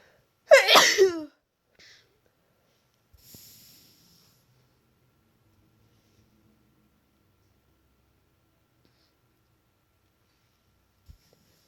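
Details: One loud explosive sneeze with a short intake of breath before it, then a faint sniff and quiet room. The sneeze was self-induced by a person with morning nasal congestion and a tickly nose.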